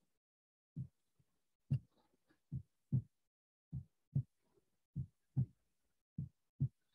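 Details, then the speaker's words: Real recording of normal heart sounds: regular lub-dub pairs at about 50 beats a minute, the first sound slightly longer and the second shorter and drier. "vocês vão perceber que primeiro ele é levemente mais alongado em relação ao segundo e o segundo é um pouco mais seco"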